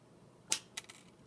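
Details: Single quick, hissing sneeze from a woman across a quiet room, followed by two faint trailing sounds; sneeze.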